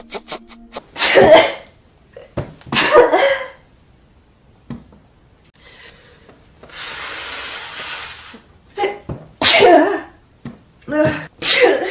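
Several explosive sneezes with sharp intakes of breath between them and a long nose blow in the middle.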